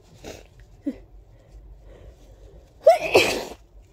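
Short breaths in, then a loud explosive sneeze with a sharp intake and forceful burst of air.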